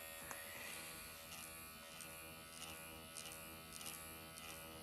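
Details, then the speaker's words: Steady high electric buzz with faint intermittent ticks: MD Needle Pen microneedling the face at 1.5 mm after forehead and eyes at 1 mm, repeated motions then cross-hatching, under numbing ointment. "I'm gonna go and do this area. I'm gonna take it up to 1.5."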